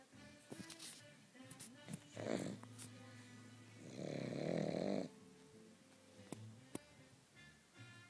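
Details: Sleeping pug snoring: rough, rattling snorts during sleep breathing, music playing in background.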